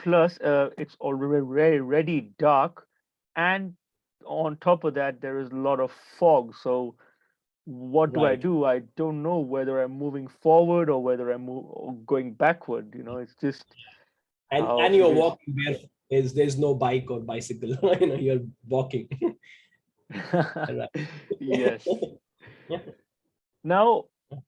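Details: Stuttering in a 28-year-old man who identifies as a person who stammers.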